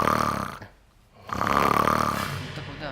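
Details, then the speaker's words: Man's snoring recreated on demand, said to be how he snored before a gadget stopped it; characteristic rattling snore from air passing between tongue and soft palate. "вот мы сейчас посмотрим как вы храпели вот лучше специально нам так создали такой звук"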